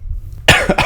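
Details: A short burst of a few quick, harsh coughs from a hoarse-voiced adult who fell ill about a week earlier: cough.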